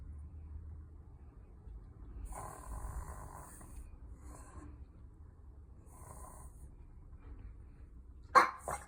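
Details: Beagle having a reverse sneezing episode: repeated harsh, snorting inward breaths in short runs, then a louder burst at the end.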